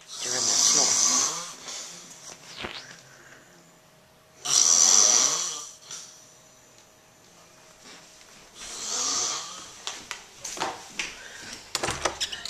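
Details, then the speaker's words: Adult man (a father) asleep after a long Christmas morning, loud rasping in-breath snores, about three in 12 seconds, quiet pauses, household noise late; snoring. "i just videotape daddy's snoring so he knows how loud he is"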